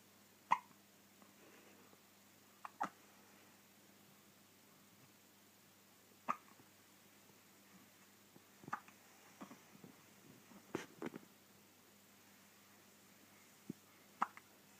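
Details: A female dog hiccups at 3am, about six short, sharp, click-like gulps in fifteen seconds in a quiet room: hiccups.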